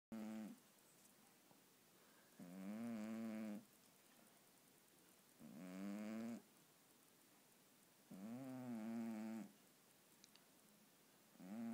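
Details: A sleeping cat snores with rhythmic, buzzing snores about 20 times a minute, each lasting about a second with quiet pauses between; ordinary snoring.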